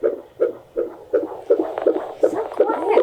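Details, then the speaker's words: Fetal heartbeat on Doppler at a midwife check, baby girl awake; rapid regular whooshing beats in the 150s to about 163 a minute, high end of normal: normal fetal heartbeat. "she's perfect she's got a great heartbeat she's awake it sounds like she's in the 150s that's on the high end of normal"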